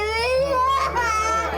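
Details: Five-year-old girl with first- and second-degree burns after her skirt caught fire by a gas fire, being treated in a hospital emergency department: loud, sustained crying with rising, strained wails; a distressed pain cry.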